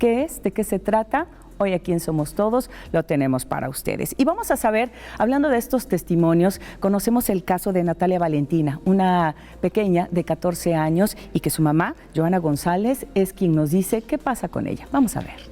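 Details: Adult woman speaking Spanish; normal speech.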